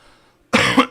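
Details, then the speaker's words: A single short, forceful cough from an adult man whose voice is gone, coughing to clear something stuck in his throat. "really sorry for my voice go engage I'm fest pumping as I'm trying to say Liberty and coughed to get out something stuck on my throat"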